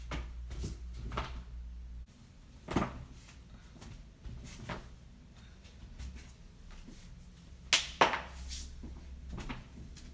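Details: Loud joint cracking: several sharp, dry pops and cracks over quiet room noise, the loudest close together near the end, from joint cavitation.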